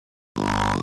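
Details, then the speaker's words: Imitated snore in a comedic sketch about a man snoring: a brief, buzzy, droning mouth sound after a moment of silence. "y volteas a ver al de la obligación con una preocupación que la demuestra a través de sus ronquidos"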